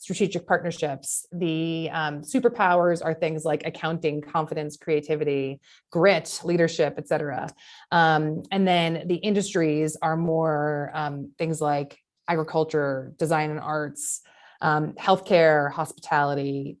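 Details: Adult woman speaking; normal speech.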